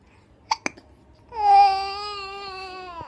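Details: Two short, sharp hiccups from an infant, followed by a brief high-pitched wail.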